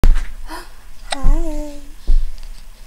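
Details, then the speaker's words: Baby with hiccups: abrupt short gulping sounds with a brief squeaky voiced note between; infant hiccups. "who has hiccups do you have hiccups"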